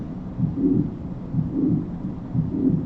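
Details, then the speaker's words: Heartbeat at about 60 a minute with a distinct S1 and a murmur late in each systole, typical of mitral valve prolapse; teaching recording. "This is a late systolic murmur such as like you see with mitro valve prolapse."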